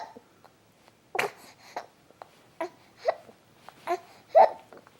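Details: Short, sharp, repeated catches from a baby boy, with small vocal sounds between them; infant hiccups.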